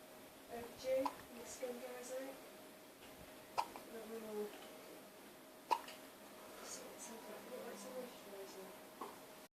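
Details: Recently born baby boy, still prone to hiccups after birth: three sharp, abrupt hiccups about two seconds apart, with faint baby noises and quiet room sound between them.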